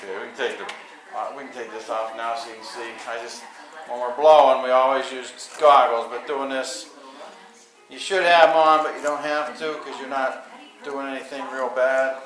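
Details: Adult male speaker; typical adult speech.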